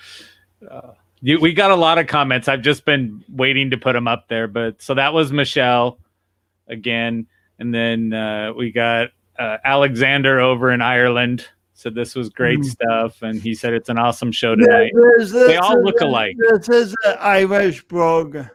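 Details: Adult male speaker; typical speech.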